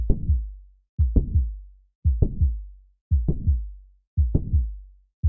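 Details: Simulated mitral valve prolapse heart sounds at about 57 a minute: a mid-systolic click after the first sound, followed by a late systolic murmur.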